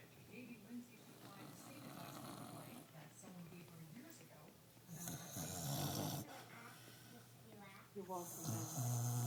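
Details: Corgi snoring: irregular rumbling snores with bursts of louder snorting over background room noise.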